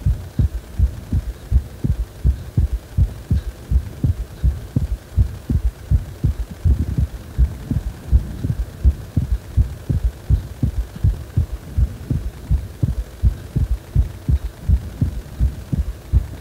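Steady low thumping heartbeat at about 82 beats a minute with a faint background hum.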